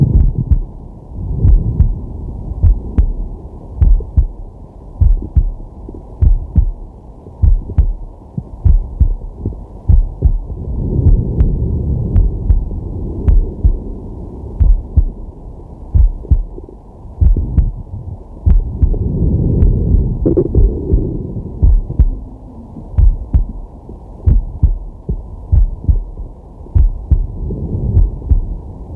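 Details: Resting adult male recorded with a digital stethoscope on his chest: slow, steady lub-dub heartbeat at roughly 50 a minute, with slow deep breaths swelling in the background; normal heart sounds.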